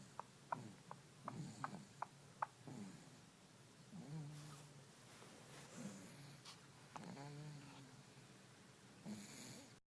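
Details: 8-month-old infant asleep: soft, low rumbling snores with each breath after a few faint clicks at the start, infant snoring.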